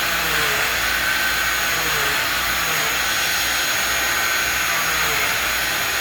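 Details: Oscillating cast saw cutting laterally to bivalve a freshly applied fiberglass short leg non-weight-bearing cast, using the in-and-out method, to allow for postoperative swelling; loud continuous high-pitched whirring with a grinding hiss.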